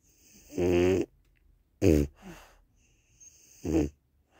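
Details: Snoring: a sleeping French Bulldog with short, tonal, rattling snores in irregular bursts and a smaller snort between them.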